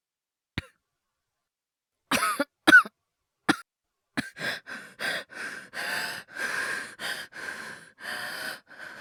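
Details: Performed cough voice by a male voice actor, all acted: a few sharp single coughs, then about ten rapid coughs in quick succession; simulated coughing from an asthma/hyperventilation cough series.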